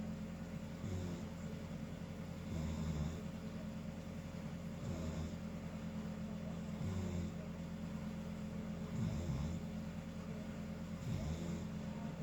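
Low rumbling snores recurring about every two seconds over steady room hum; ordinary snoring during sleep.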